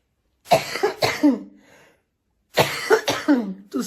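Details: Cough from a woman who says she is ill, couldn't sleep and slept propped on pillows: two bursts of three harsh, voiced coughs, the last trailing into a groan.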